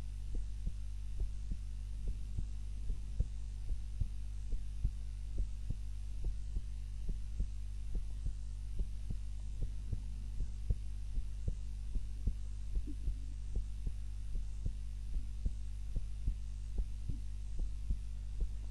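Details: Normal heart sounds during an afternoon nap, self-recorded on a timer while lying on the back (usually prone): soft regular thumping beats, roughly 70 a minute, under a steady low hum; slow, calm resting rhythm.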